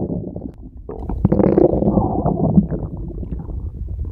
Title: Special Stomach Growl!